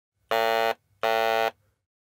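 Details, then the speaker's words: Two short, steady mechanical buzzes, each under half a second, from an electrolarynx while its button is pressed, used as a sound source for vocal-tract model VTM-T20, with quiet room hum between; electrolarynx buzz. "oh the next sound source is an electro larynx this electro larynx produces a sound"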